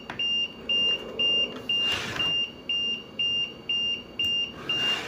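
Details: CareFusion LTV 1150 home ventilator during setup: regular high-pitched electronic beeps, about two per second, over room noise, a power-loss alarm as mains power is disconnected and the battery kicks in.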